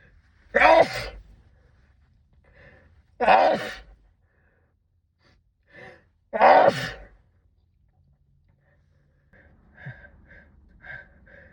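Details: Sneezing fit brought on by cold weather: three forceful sneezes muffled into a sleeve, each with a sharp intake before it, then heavy breathing and sighs.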